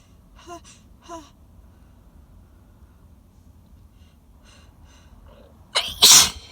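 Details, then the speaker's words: Loud, explosive, very wet double sneeze after a quiet build-up with faint catching breaths. Allergic sneezing fit while sitting in a car, with an itchy nose, pollen and congestion. "i hope that the intensity of these um will make up for the lack of of quantity oh i might sneeze again god i hope so because it itches so bad yeah i will"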